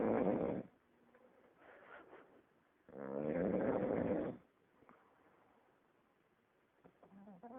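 Two rough, rattling snoring breaths with softer snuffling between, in a muffled recording; snoring during sleep.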